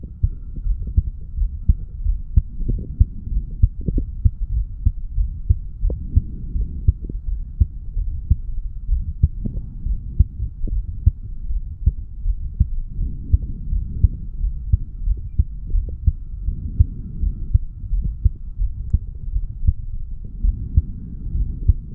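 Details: Heartbeat of a 35-year-old male recorded at the mitral/bicuspid valve area after doing weights: fast, regular low thumps through a stethoscope with a steady hum, a quickened heart rate after exercise.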